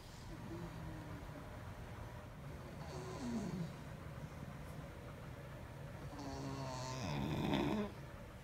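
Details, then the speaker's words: Snoring: a sleeping beagle gives two drawn-out, rattling snores with a whistling, nasal edge over quiet room noise. "do you hear that it's my dog snoring let's go sneak up on him he is so cute"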